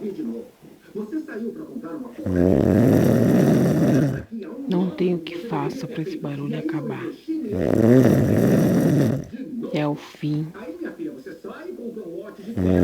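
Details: Person snoring in the early hours of the night: loud, rough snores about two seconds long, separated by pauses with voices and room noise between; heavy snoring.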